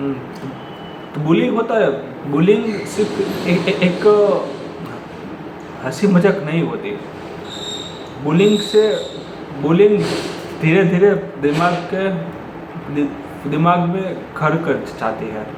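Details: Adult male who says he has stammered since school, with word blocks that still occur; real (not acted) stuttering in Hindi speech.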